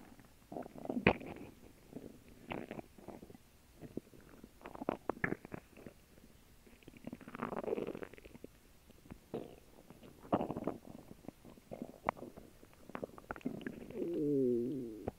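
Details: Digestion after a lunch of a grilled cheese sandwich and water: irregular gurgles, pops and low rumbles from the belly; normal bowel sounds (borborygmi).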